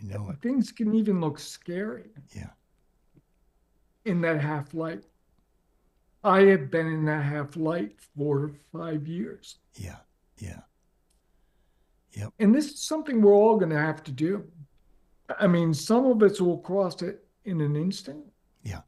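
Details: Adult man with late-stage ALS, diagnosed 4.5 years ago, with onset in the right calf spreading upward; it now reaches his neck, causing difficulty speaking and breathing. He speaks using a ventilator to inflate his lungs. Dysarthria in amyotrophic lateral sclerosis.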